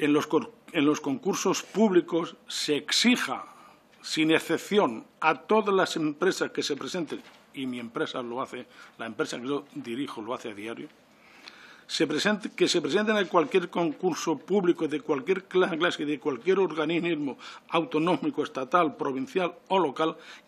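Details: 69-year-old adult man with self-reported real stuttering, speaking spontaneously in person at a parliamentary commission; he says he takes longer to say things than to think them; stuttering.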